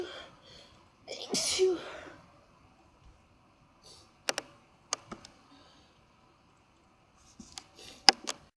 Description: ... im sneezing again...